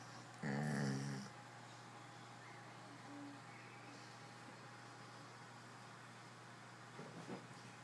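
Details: Sleeping dog, owner says it has sleep apnea, snoring: one short, loud, rough snort-like snore over a steady low hum, then quiet breathing noise.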